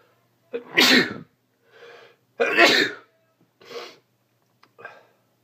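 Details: Repeated sneezing from allergies: two loud, explosive sneezes, each followed by a softer sniff or breath, with short quiet gaps between.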